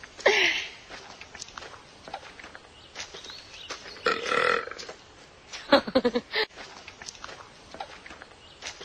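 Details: Movie clip of a young actress burping: several voiced, croaking belches in bursts amid room noise; repeated burping.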